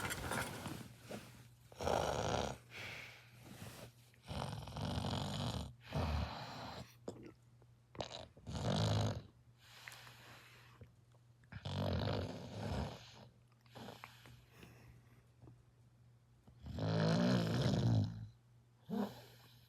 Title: How is bro snoring like that